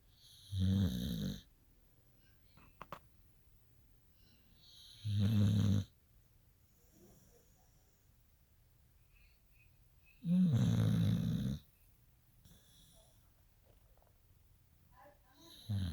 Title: Cricket snores